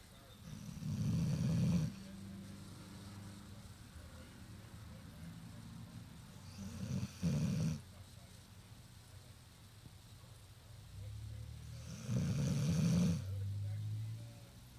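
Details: Tired sleeping puppy snoring: low rumbling snores repeating about every five seconds, with quieter breathing between them.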